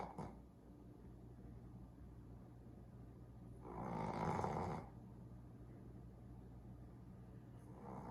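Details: Sleeping Boston Terrier puppies snoring loudly, like a chainsaw: a single loud, rough, rattling snore rises out of steady room hum, with a quieter one starting at the end.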